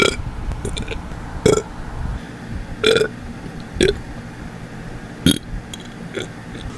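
About five loud, throaty burps a second or so apart, over faint room noise; ordinary belching.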